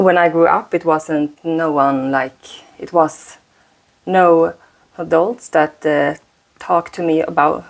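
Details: Stuttering in a 36-year-old woman whose stutter shows more under stress; she uses a speaking technique; repetitions are audible.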